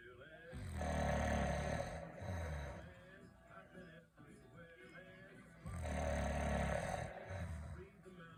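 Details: Snoring heard on a microphone in a prank video.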